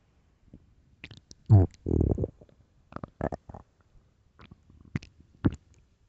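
Loud, low gurgling rumbles in several bursts with quiet gaps: stomach growling from gas and fluid moving through the gut.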